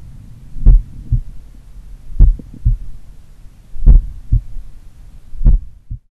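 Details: Self-recorded mitral-area auscultation in the morning of a person doing regular daily cardio training: slow heartbeat near 38 a minute with a slight, faint low extra sound after S2, a third heart sound (S3).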